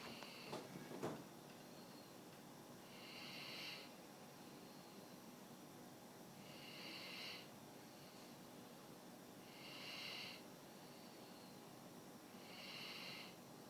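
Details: Snoring: soft whistling, hissy snores repeating about every three seconds, roughly 18 breaths a minute, over a steady background hum.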